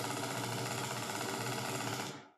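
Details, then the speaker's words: Single fiber needle EMG demonstration: a rapid, rough crackling buzz that shifts in quality as the potential jumps and superimposes poorly; jitter of 38 microseconds, slightly higher than the prior normal 10-microsecond recording; slightly increased jitter. "you can see the potential all also jump so this is slightly higher Jitter compared to the previous recording and the Jitter was 38 microc okay"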